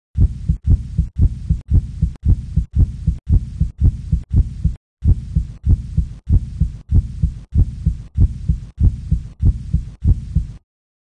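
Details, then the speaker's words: Heart beating with its fibrous coating removed: a steady, fast run of deep, muffled heartbeat thumps with a brief pause partway through, in an educational heart anatomy demonstration. "if we remove some of the tough fibrous coating of the heart and great vessels you can get a better look at the heart beating"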